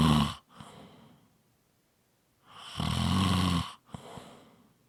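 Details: Loud rattling snores on each in-breath with softer out-breaths between them, two cycles over about five seconds; snoring.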